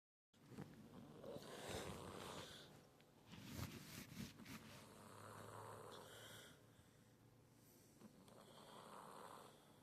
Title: Six the cat is sleeping and snoring but woke up at the end